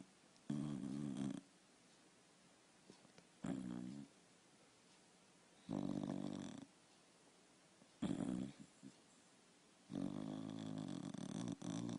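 Five rough, rumbling snores from a sleeping dog, each about a second long, separated by quiet pauses, in a small room.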